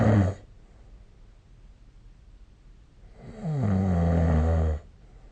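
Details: Two deep, loud snores on breathing in, about three seconds apart, recorded with the SnoreLab phone app; snoring.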